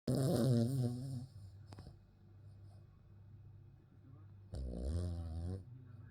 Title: my dog is snoring like my mum!